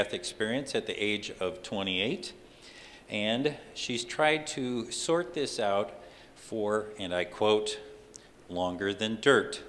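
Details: Adult male speaker; ordinary speech.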